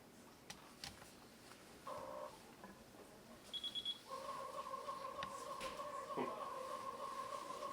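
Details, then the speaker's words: Zoll transport ventilator powering on during ventilator training: a quiet room, then a short chirp and a sustained two-note electronic start-up tone. "I think that's a funny noise when it starts up."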